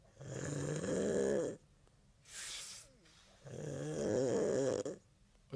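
Two loud, rattling inhaled snores separated by a short hissing exhale; ordinary snoring.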